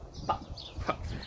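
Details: Man with Tourette syndrome makes two brief, sharp clucking noises like a chicken: vocal tic.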